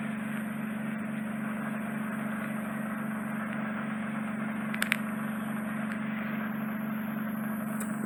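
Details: Steady low hum with constant hiss and brief crackles: endoscopic ear wax microsuction in a client with bilateral deep occluding earwax, clearing soft wet wax from the ear canal.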